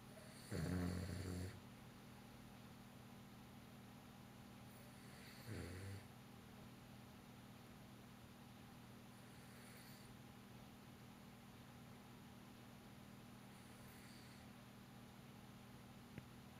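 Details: Snoring with a cone (collerette) on: two low rattling snores over a steady hum, then quiet breathing with faint hissy exhales.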